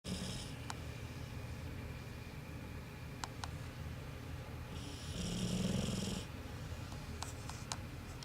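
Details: Steady low rumbling snore with a louder snoring breath midway, over constant room noise, from Cash, an American Bulldog; snoring.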